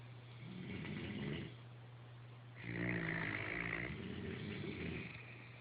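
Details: Rough, rumbling snores with a steady low background hum, recorded on an Android phone; snoring.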